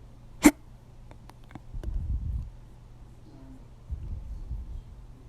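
One sharp, abrupt hiccup followed by soft rustling and breathing noise.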